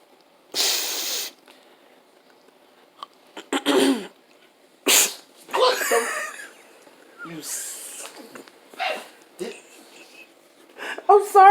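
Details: Acted, not real, sneeze: a woman fakes a loud sneeze as a prank on her husband and blames allergies, followed by scattered breathy noises and short vocal sounds.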